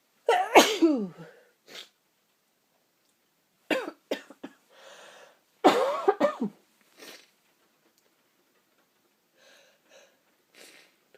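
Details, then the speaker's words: Person sneezing from a tickling nose: two loud, explosive sneezes with sharp intake breaths before them, followed by sniffing and quieter breathing. "my nose is tickling and tickling and tickling oh I've got to sneeze one more time bless me piss me"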